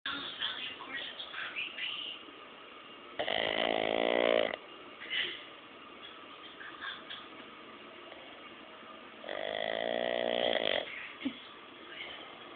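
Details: Sleeping Boston Terrier snoring very loudly: two long, loud, rattling snores about six seconds apart, separated by quieter snuffling breaths; dog snoring.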